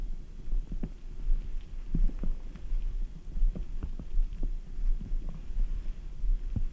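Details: Adult abdomen after drinking ice-cold Red Bull: soft low thuds, clicks and gurgles over a steady low hum: stomach rumbling bowel sounds.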